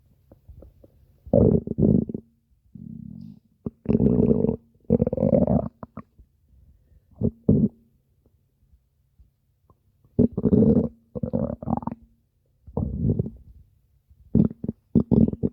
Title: stomach growling 5 (over five minutes of stomach growling)